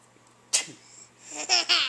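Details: 11-month-old baby laughing at father's fake sneeze: a short, sharp sneeze followed by bright laughing squeals; sneeze.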